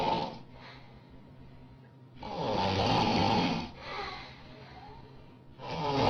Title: Woman Snoring loud